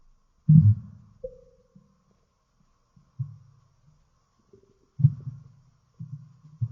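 Low gurgling rumbles in several bursts with brief squeaky rises; ordinary stomach growling from gas and fluid moving through the gut.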